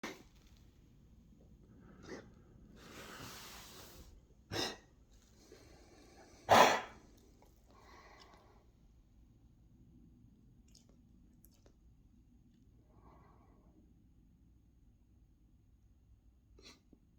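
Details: Child coughing: a few brief, sharp coughs in a quiet room, with soft breathing between them.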